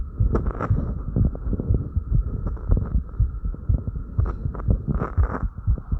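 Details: Normal rapid heartbeat right after light exercise (crunches), recorded with breath sounds and movement noise.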